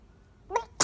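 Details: Jackson, a small animal, gives a brief, high-pitched sneeze after a quiet moment, and a second sharp burst begins as the clip ends.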